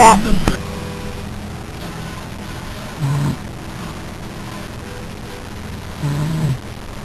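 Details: Sleeping father snoring, low rumbling snores about every three seconds (near 20 a minute) over steady background hum, while someone tries plugging his nose: snoring.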